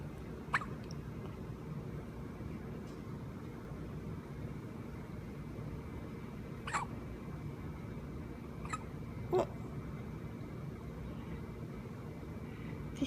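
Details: Infant boy with hiccups: four brief, sharp hiccup clicks at irregular intervals over a steady low background hum.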